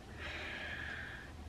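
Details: Audible breathlessness from a person in their 40s with a sarcoidosis flare-up (swollen chest lymph nodes, on an inhaled steroid): a single loud, effortful gasping inhalation lasting about a second over a faint low room hum.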